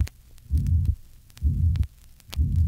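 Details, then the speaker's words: Tricuspid regurgitation, recorded through inspiration and expiration: pansystolic murmur at the fourth left intercostal space beside the sternum that grows louder with inspiration. "listen to the effect of inspiration on the pan-systolic murmur in a patient with tricuspid regurgitation"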